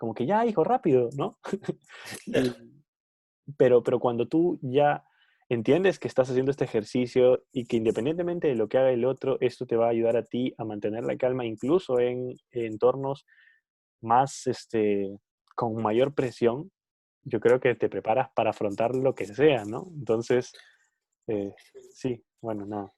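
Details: Spanish-speaking man who stutters, speaking spontaneously; stuttering.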